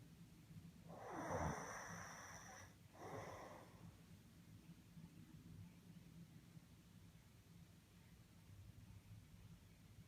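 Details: Adult man (father) snoring: two harsh, rattling snorting snores on the in-breath, then quiet breathing over low room hum; snoring.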